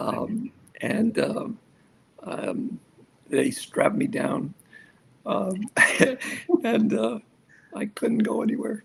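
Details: Aphasia in an adult male survivor of a severe stroke, more than a decade into stroke rehabilitation.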